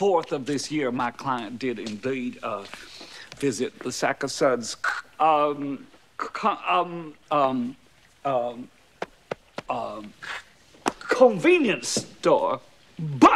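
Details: Acted severe stuttering by a male public defender character in a 1992 comedy film, giving an opening statement to a jury; the character attributes it to nervousness.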